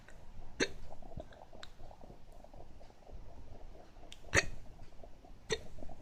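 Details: Sudden sharp gulping catches recur about every second or so, several louder among fainter ones, with room noise; recurring hiccups.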